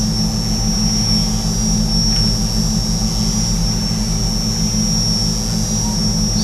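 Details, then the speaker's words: Arthroscopic burr running on the edge of the acromion above the rotator cuff in a right shoulder during subacromial decompression, patient lying on side: steady high whine over a constant low motor hum. "we're going to go ahead and start a little bit of work on the bone forur up above the rotator cuff tendon this is the bone at the top of the shoulder called the acroman and we'll start just by working on the edge"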